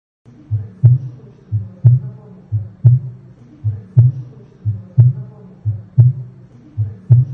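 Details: Heart auscultation over the pulmonary valve: regular lub-dub at about 60 beats a minute, clear first and second sounds with no added noises; normal heart sounds.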